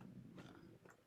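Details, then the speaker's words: Stomach growling (borborygmi) heard during a live online call, the speaker noting a need for lunch. "Oh, that's my stomach growling. Can you hear that? I also need lunch."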